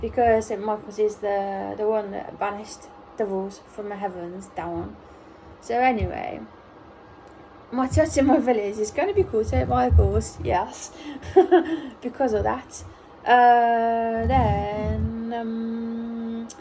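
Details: Autistic adult woman almost one year after a ruptured brain aneurysm, speaking in recovery with apraxia of speech from the brain injury.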